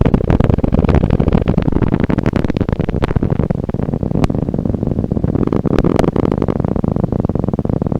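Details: Dense, continuous crackling static from a live needle EMG trace of muscle activity, recorded with a needle in a muscle; whether normal, neuropathic or myopathic is left unstated.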